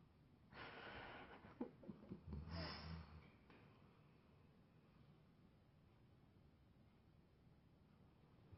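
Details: Tired Labrador snoring during a mid-morning nap: one long, noisy breath with a low fluttering snort partway through, then near silence.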